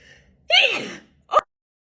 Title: female tiktok sneeze 124